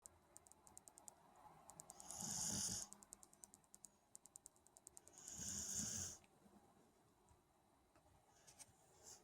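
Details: Light snoring in sleep: two soft, airy snoring breaths a few seconds apart, with faint ticking in the background.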